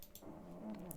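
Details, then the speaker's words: Female pug fast asleep in the background, snoring: low, rough, rumbling rattle over faint room noise. "so if you can hear my dog snoring she's fast asleep in the background"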